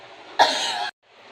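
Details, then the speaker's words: Effective-cough demonstration in a chest physiotherapy tutorial: adult woman patient takes deep breaths three times, exhaling slowly, then after the last breath gives a single strong, forceful cough to clear secretions. "Baik, tarik nafas, hembuskan pelan, tarik nafas lagi, hembuskan pelan, tarik nafas, dan batukan dengan kuat dan tahu."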